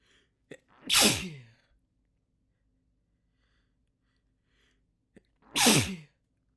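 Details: Two separate sneezes several seconds apart, each a quick indrawn breath then a sharp explosive burst; sneezing.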